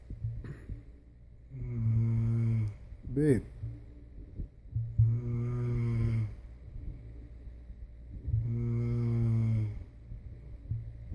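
Deep buzzing, droning snores, about three in ten seconds, with a soft snort between; ordinary snoring in a quiet room.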